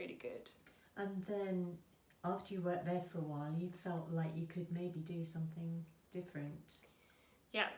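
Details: Adult woman speaking; ordinary fluent speech.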